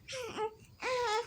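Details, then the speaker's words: Baby girl, just woken from sleep and irritable, crying for attention: two short wailing cry bursts with a clear, strong voice; ordinary infant crying. "तिला वाटतं तिच्यासोबत सगळ्यांनी गप्पा मारा हे बघा ती रडायला"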